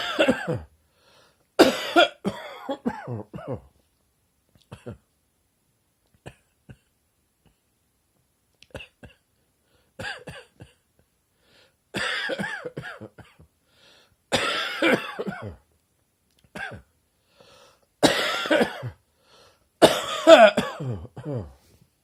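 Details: Adult's deep rattling morning cough after waking up feeling chesty, possibly from unseasonably cold weather: repeated harsh, rattling bursts with throat clearing, a productive wet cough.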